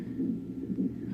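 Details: Fast, soft, rhythmic whooshing fetal heartbeat at 34 weeks of pregnancy, about 150 a minute over a low hum, picked up by a fetal monitor; the baby girl has hiccups and is moving.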